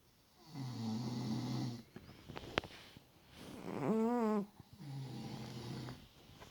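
Low buzzing snores alternate with a higher, wavering snore, about 22 a minute and uneven in rhythm.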